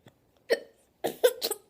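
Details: Short sharp voiced catches, about four in under two seconds; hiccups.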